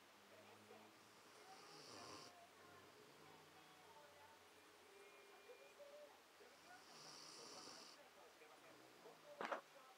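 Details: Quiet, regular snoring breaths with a soft rasp, about twelve a minute, against faint room noise, from a sleeper who seemed very tired that day; ordinary snoring.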